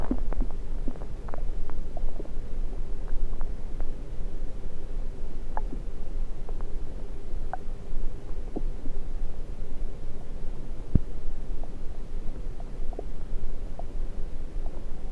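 Scattered faint clicks and gurgles over a low steady rumble through a stethoscope on the belly: bowel sounds.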